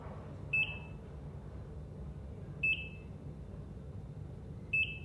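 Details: ECG heart monitor: short high electronic beeps about every two seconds, roughly 29 a minute, over low room hum.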